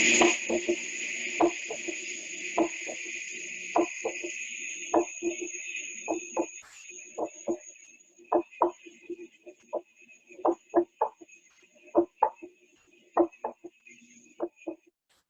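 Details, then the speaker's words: Heart sounds played for teaching: a third heart sound (S3). "entonces escuchen esto ahí van a escuchar primero y segundo ruido normal eso es normal eso es un soplo tercer ruido"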